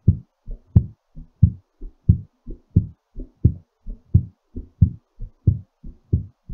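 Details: Normal heartbeat during recovery after exercise: strong, regular lub-dub at about 90 beats a minute, slightly fast.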